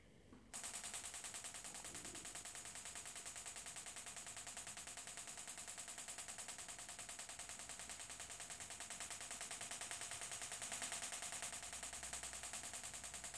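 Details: Extracorporeal shockwave therapy to the Achilles tendon for Achilles tendinitis with a Gymna Shockmaster 300 at 3 bar, 10 Hz, 15 mm convex head, ultrasound gel, delivered in spots. Rapid steady sharp clicks, about 10 per second, as the device fires.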